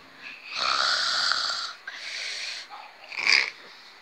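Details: Hissing, raspy snoring breaths during sleep with a whistling edge, one long breath followed by shorter ones.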